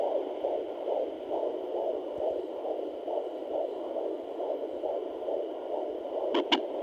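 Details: Fast, regular whooshing fetal heartbeat at about 140 a minute over steady hum on a Sonoline home fetal Doppler at 21 weeks pregnant, male baby measured around 138 bpm at the doctor's office; brief scratch near the end.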